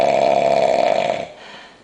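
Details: Very drunk man asleep on New Year's, not waking despite loud talking nearby: one loud, harsh, rattling snore on a breath in, fading out at the end; loud snoring.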